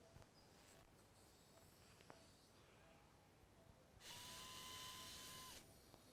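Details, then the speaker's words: Endoscopic removal of recurrent biopsy-proven inverted papilloma, left nasal cavity, in a 43-year-old man with prior surgeries: surgical drill removing a bony projection, high-pitched whine about 1.5 seconds, surgeon demanding irrigation. "see I'm drilling away this entire projection I need irrigation come on I want this irrigation man"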